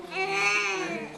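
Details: A newborn on day 1 of life crying, reportedly with hiccups: one sustained, high-pitched wail, with no distinct hiccup catches heard in this short stretch.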